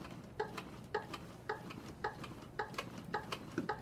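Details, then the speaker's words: A CPR metronome gives a regular clicking beat set at about 110 per minute, within the 100–120 target, pacing chest compressions on a training mannequin while fire department responders apply AED pads. "we have a metronome that's a beat of 100 to 120 hours is set at about 110 and started to apply the pads"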